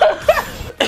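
A brief, single loud cough burst from an adult.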